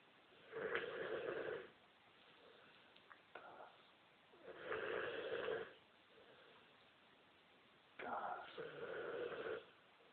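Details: A mastiff dog sound asleep, snoring: three slow rattling snores on the in-breath with quiet pauses between, about 15 breaths a minute.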